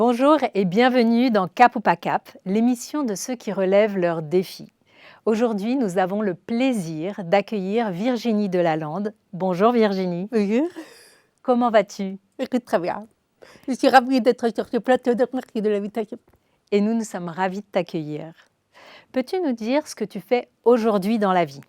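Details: Adult women in conversation; ordinary speech.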